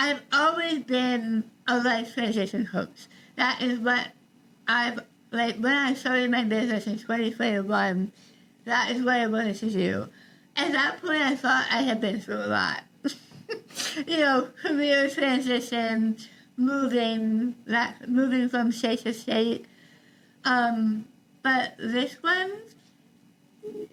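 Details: Adult woman with articulation disorder after partial glossectomy for stage 4 tongue cancer: over half the tongue removed and rebuilt with a forearm graft, plus neck dissection and six weeks of radiation and chemotherapy; some listeners cannot understand her.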